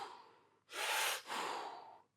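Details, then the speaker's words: Airy rushing that fades, then swells loudly and dips again: a CPAP motor switching between inhalation and exhalation pressure with pressure relief settings on, making a changing noise. "And that's because the motor is switching between inhalation and exhalation pressure. And that switching the pressure between the motor going slower and faster gives it that changing noise."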